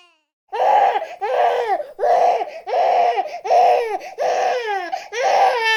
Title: Sound of a Crying Baby for 30 minutes